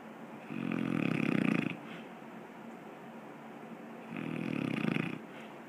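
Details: Drew, asleep, snoring: two loud, low rattling snores on breathing in, about 4 seconds apart, with quiet breathing between; ordinary snoring in sleep.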